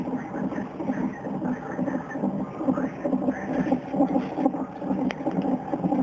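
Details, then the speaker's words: Fetal heartbeat of a baby boy, heard in hospital before his birth, with surgery mentioned: rapid, rhythmic whooshing pulses on a Doppler monitor, about 133 beats a minute. "The most exciting part for me was getting to see and hear the baby's heartbeat."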